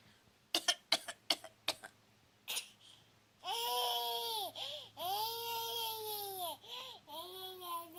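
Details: About six short, sharp fake coughs from a parent, followed by the young daughter's long wailing, whiny vocal reaction: imitated cough.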